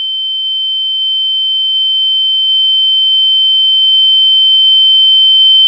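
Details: Simulated tinnitus, a steady high-pitched pure tone imitating ear ringing.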